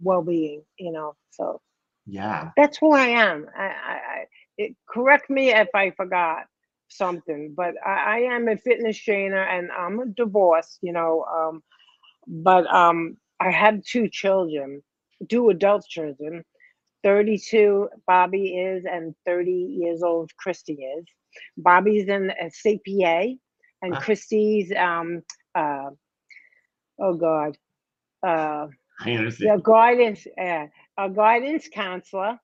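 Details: Post-stroke aphasia in a 57-year-old woman after a major ischemic stroke at age 45, 2011, affecting her right side and speech; she could not talk at first, and says speech is improving but worsens with emotion.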